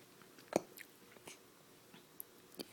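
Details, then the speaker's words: Infant boy with hiccups, his whole little belly moving: two brief, sharp clicking gulps about two seconds apart in a quiet room. "should I get the hiccups lot mhm get the hiccups his whole little belly moves too I know you got the hiccups little hold"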